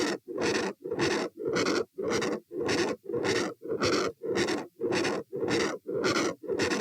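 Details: Recorded at auscultation position A during a stress test (lie, stand, sit, lie; 72-108-90-84 bpm): loud rushing whoosh with each beat, about 107 a minute, filling most of the cycle with brief gaps: continuous heart murmur.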